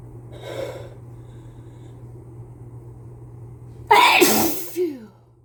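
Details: Adult with a cold sneezing into a face mask: soft breathy sound, a pause, then one loud explosive sneeze with a brief trailing voiced sound.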